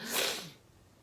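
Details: Adult female singer on a livestream: a single short, sharp sneeze burst with a breathy hiss that fades quickly, an ordinary sneeze.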